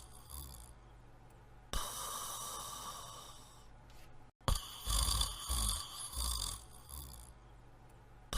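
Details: Person asleep in bed snoring: hissing breaths alternate with low, rumbling snorts, irregular and fairly soft.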